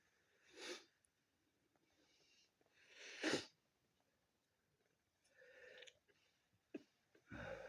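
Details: Person with a head cold: several short, sharp sneezes and nose blowing with quiet sniffles between.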